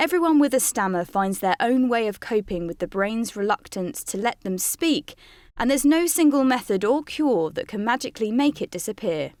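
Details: Adult female speaker; normal fluent speech.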